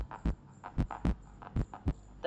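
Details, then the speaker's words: Normal heart sounds played in a lecture demonstration: two clear lub-dub cycles at about 75 beats a minute, the normal first (S1) and second (S2) heart sounds. "the first heart sound also known as S1 is caused by the closing of the a vales after the Atria have pumped blood into the ventricles"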